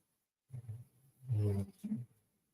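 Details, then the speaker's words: Sleeping pet dog gives low, rumbling snorts in three short bursts, the middle one loudest: ordinary dog snoring. "Did you hear that? That's my dog snoring. That's my Gussie poo."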